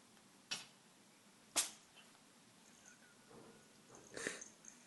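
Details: Cat sneezing repeatedly over one day, filmed before a vet visit, now okay: three short, sharp sneezes in a few seconds in a quiet room.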